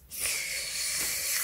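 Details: Lateral lisp, acted demonstration by a speech-language pathologist, with air leaking out the sides of the mouth on /s/.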